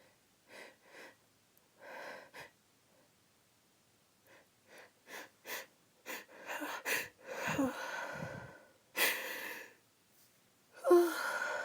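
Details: Woman's uncovered sneezes, several stifled catches and quick breaths as she tries to hold them back, then a few louder open sneeze bursts.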